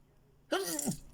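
A single short, sharp burst of air after silence; a sneeze.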